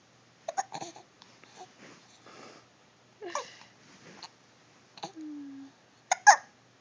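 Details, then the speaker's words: Young child with hiccups: short, abrupt voiced catches in brief bursts, with a few babbling sounds and one drawn-out tone; the hiccups are described as squeaky and toy-like. "You're squeaking. You sound like a toy. Yeah, you sound like a toy. You know, if you close your mouth, they're not as loud."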